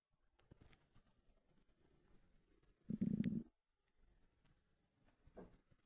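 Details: Hungry stomach rumbling: faint gurgles, then a brief loud bubbling growl and a softer one later; normal borborygmi.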